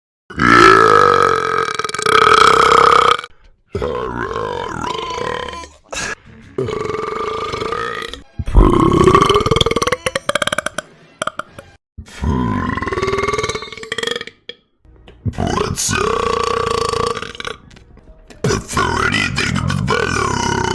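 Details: Young woman: a run of long, loud, voiced belches, about seven in a row with short gaps; repeated burping.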